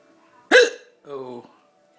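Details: One sharp, sudden gulping catch followed by a short voiced 'oh'; a hiccup in a person with two broken ribs, part of a severe hiccup bout.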